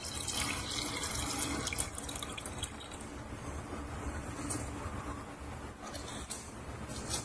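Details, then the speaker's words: Caregiver training on measuring urinary output: continuous splashing and trickling as gloved hands pour urine from a bedpan into a graduate over a toilet in a small room. "next i'll bring my graduate and the bedpan over to my toilet without dropping any of the urine or splashing i will make sure that i pour the urine into the graduate"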